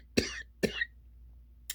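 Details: Two sharp, rough coughs, then a brief third burst with throat clearing. The person is struggling to breathe, describes burning lungs, is checking oxygen with an oximeter, and discusses sleep apnea and small airway problems.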